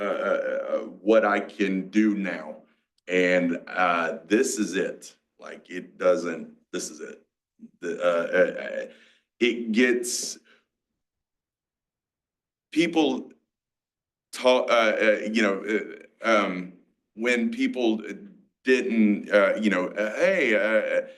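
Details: Aphasia, a mix of Broca's and Wernicke's, in a 47-year-old male after a massive stroke 6 years ago, with seizures; he had to relearn to talk and still has word-finding blocks.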